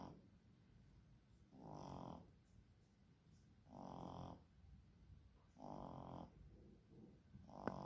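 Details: Young child, filmed as a little one, snoring while asleep: rhythmic low rumbling snores with quiet gaps, about three breaths in eight seconds; snoring.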